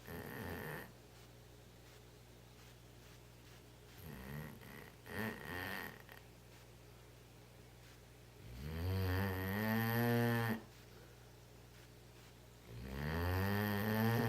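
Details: Heavy snoring: long, loud, buzzing snores with a rising pitch on the breaths in, about four a minute, separated by quiet pauses.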